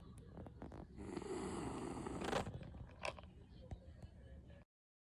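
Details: 16-year-old female Beagle snoring loudly while sleeping comfortably; owner thinks she may have snored since young: a loud, rough snoring breath with snorting sounds.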